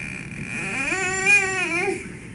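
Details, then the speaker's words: Night terror recorded on video-polysomnography: a very young child, around 1.5–2 years, wakes abruptly from deep sleep with high-pitched wailing, crying and screaming, not responding to the mother's attempts to console. "pero más que nada el niño se despierta abruptamente y se despierta llorando, gritando y no responde a los intentos de la madre que está al lado de él en consolarlo."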